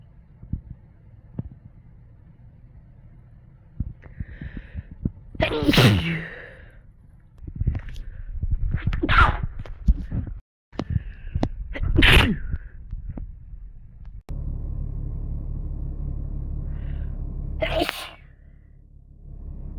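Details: Person sneezing: several forceful sneezes, each with a quick inward breath and then an explosive burst, separated by short gaps.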